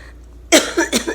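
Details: Three harsh cough bursts after a quiet pause from a woman with cystic fibrosis and active hemoptysis, in pain, oxygen saturation dropping into the 80s; cough with hemoptysis.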